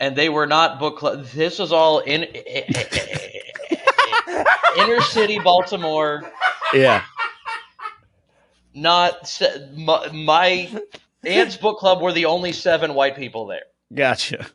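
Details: Adult male comedian who says he has a stutter: stuttering.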